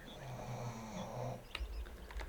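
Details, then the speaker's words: Low, rumbling snoring from a bulldog deeply asleep in a small room, with room hum and a few clicks and thumps near the end. "Sorry, you guys get to hear the bulldog snoring in the background again cuz he has absolutely crashed the [ __ ] out."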